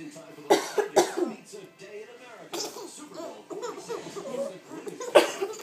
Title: My son laughing at his mom coughing